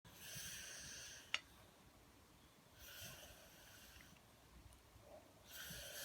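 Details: Person asleep: regular, rough, hissing breath sounds recurring every few seconds; light snoring, recording no. 8.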